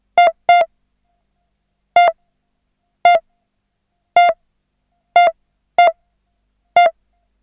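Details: Synthesised sound-effect pulse monitor, erratic: beeps at uneven intervals, some paired closely, others spaced over a second apart; irregular pulse monitor beeps.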